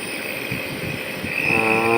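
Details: Nebulizer given to a young boy sick five days with cold and heavy cough, cold settled in chest; steady mechanical drone and hiss of compressor with rising tonal whine toward the end; nebulizer compressor running.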